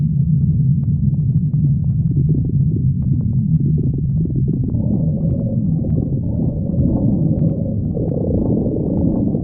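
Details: Loud, continuous low gurgling and rumbling with rising tonal groans: ordinary stomach growling (borborygmi).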